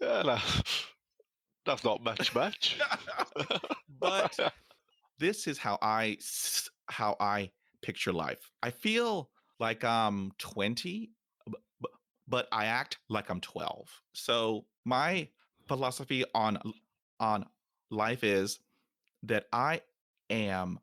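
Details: Adult nearly 50 years old who stutters, including when alone; stuttering.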